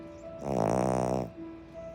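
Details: Sleeping dog snoring: a single loud, buzzy snore rises over soft sustained piano music, then fades.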